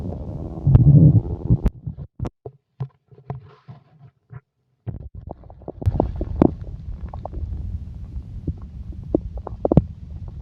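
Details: Stomach growling (borborygmi): low irregular gurgling and rumbling with scattered pops and squelches; ordinary bowel sounds.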